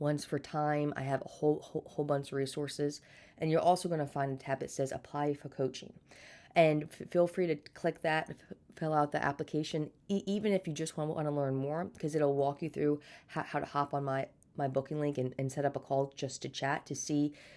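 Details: Adult woman with a stutter since birth, speech therapy throughout childhood, still stuttering day to day and may get stuck on words: stuttering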